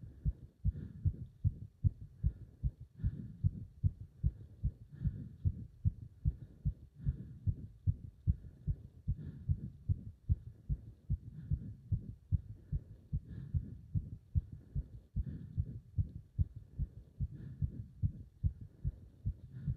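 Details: Heart sounds during leg wrench exercise: fast, strong, regular heartbeat of about 150 beats a minute, pounding so hard the pulse was felt up to the subclavian artery; a rapid, forceful heartbeat during exercise.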